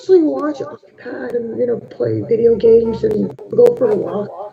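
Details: Puberphonia in a teenage boy, high-pitched childlike voice for three years since seventh grade, voice cracks, difficulty speaking loudly; recorded before online voice therapy, very high pitch confirmed acoustically and perceptually.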